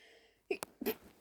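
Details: Female stifling sneezes to stay quiet after 2 a.m. while trying to sleep; she blames pollen blowing in through an open window. A quiet room, then a few brief muffled bursts with sharp catches.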